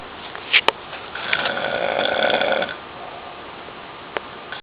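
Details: An adult uncle snoring very loudly on Father's Day night 2009: a single drawn-out, buzzing breath sound of about a second and a half, with faint clicks against quiet room noise.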